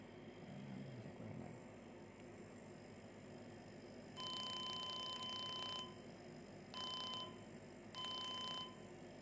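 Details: Three bursts of steady high beeping with a hissing rush over quiet room noise: a CO2 laser firing to remove moles or skin tags, the tone marking active emission.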